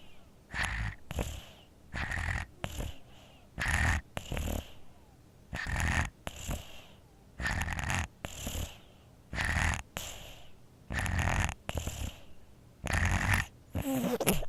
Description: Baby Infant Sleeps Snores With a Cold Congested (FREE SOUND FX)